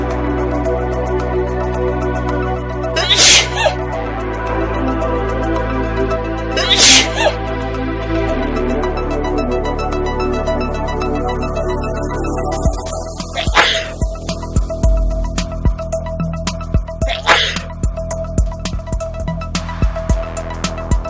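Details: About four brief explosive sneeze bursts over steady background music, from an educational Covid-19 exhibit teaser on how respiratory droplets from coughing, sneezing or talking spread infection; sneezing.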